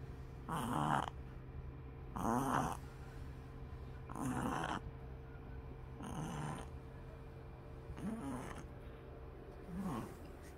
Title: bimbi pug puppy snoring